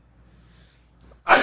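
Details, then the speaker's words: Adult who reports bad spring allergies: near silence, a faint quick intake of breath, then a sudden loud explosive sneeze cut off as the clip ends. "oh [ __ ] bless you all right thank you Dam that's the only thing I don't like about spring allergies having allergies bad"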